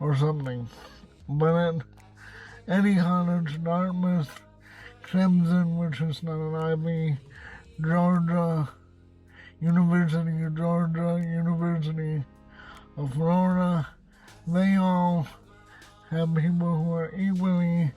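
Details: Dysarthria in an adult man who reports cerebral palsy and a speech impediment.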